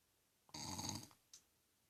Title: Meu pai roncando